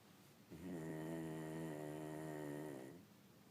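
A single long, droning, musical snore lasting over two seconds, in a quiet room.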